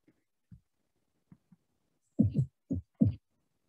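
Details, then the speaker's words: Third heart sound (S3 gallop): low, dull heart sounds with an extra soft beat just after the second sound, giving a galloping 'Ken-tuc-ky' rhythm. "so now if you hear it it's like kentucky it goes that way it's easy to remember that way so ken is the s1 part of it and taki is like s2 and s3 goes together so if you can say that when you are hearing that then it's probably s3"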